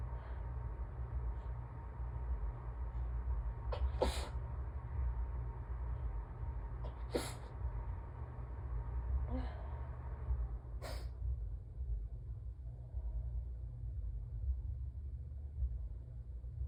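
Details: Person with allergies, peppermint in mouth and one small drop of blood on tissue; three forceful sneezes a few seconds apart, some strangled-sounding, over low room rumble: allergic sneezing fit.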